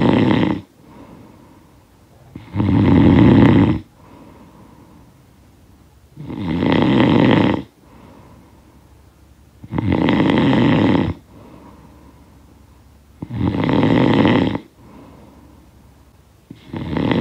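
Loud, rattling snores on each in-breath, with quieter out-breaths, about 17 breaths a minute; heavy snoring from a sound-effect recording.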